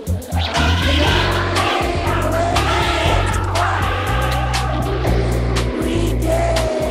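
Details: Simulation of how one user hears a sound through a cochlear implant two years after processor activation, created using the user's one functional ear; far from the original, recognizable from context.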